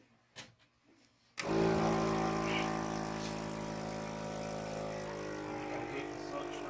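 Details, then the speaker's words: Tracheostomy suction machine switches on with a loud, steady motor hum and whir during home trach care, used to suction the patient as he coughs. "Okay, as you hear him coughing, I'm going to go ahead and suction him."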